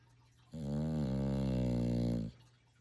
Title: Snoring puppy